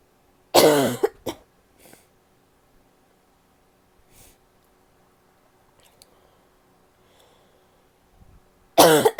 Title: barky cough (f)